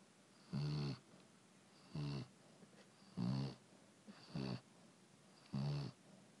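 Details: Senior male chow chow asleep on his dog bed, snoring: five regular buzzing snores about a second apart, roughly 50 a minute, in a quiet room.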